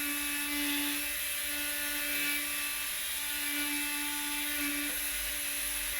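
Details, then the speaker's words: Lapidus procedure for hallux valgus, AO workshop: an oscillating bone saw starts the flat osteotomy cut on the base of the first metatarsal, with a steady high-pitched mechanical whine. "the saw is used to begin the osteotomy cut on the first metatarsal"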